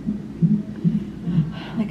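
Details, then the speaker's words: Fetal heartbeat on a hospital labor-and-delivery monitor at 29 weeks of pregnancy, after tightening and pain. Rhythmic whooshing pulses, quick and regular at roughly 140 a minute. Heart rate noted to speed up as the baby moved ("backflips"). "i peed the heartbeat though [Music] did you hear how it sped up"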